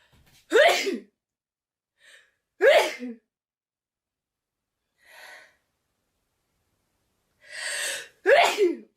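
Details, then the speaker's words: A woman sneezing: three sharp sneezes, each led by a short catching inhale, with soft breaths between; a brief sneezing bout. "Oh, I'm going to sneeze. [laughter] God's sake, woman. Oh, for heaven's sake. Now you want to sneeze now."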